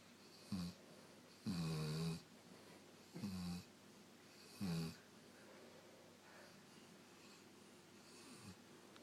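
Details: Sleeping rescue dog snoring: a run of buzzing, fluttering snores with short snorts, several in quick succession before settling.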